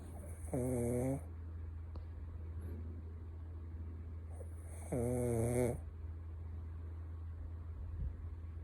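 Two loud, buzzing inhaled snores a few seconds apart over a steady low hum; ordinary snoring in a small dog.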